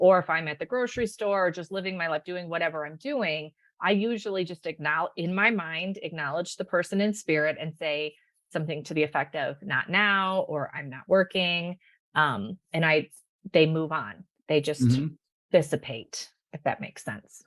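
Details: Adult woman speaking; Normal speech.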